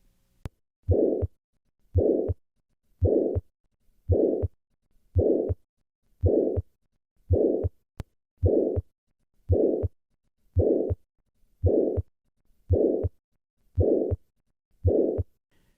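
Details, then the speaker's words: Regular beats at about 56 a minute, each with a loud harsh holosystolic murmur; loud murmurs can come from small restrictive defects; ventricular septal defect murmur. "Small ventricular septal defects produce loud murmurs, and large ventricular septal defects can precipitate heart failure at a young age."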